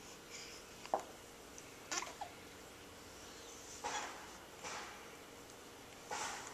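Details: Female, awake: about five brief, abrupt hiccup bursts at irregular intervals over steady room noise; hiccups.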